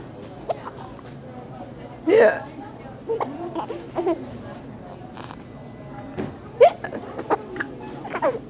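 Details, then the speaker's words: Adult's short, sharp hiccups at irregular intervals while walking in a store, with a young baby in a Moby wrap giggling and making vocal sounds at them, over background music and adult talk; hiccups. "you now you got hiccups"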